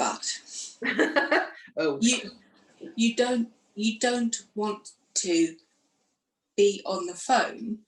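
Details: Aphasia in a woman who lost her speech after a stroke following surgery in 2018, aged 44, and went through rehab.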